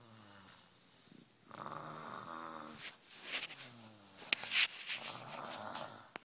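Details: Snuffly, wheezy snoring with whistling nasal tones and snorting breaths from a sleeping animal.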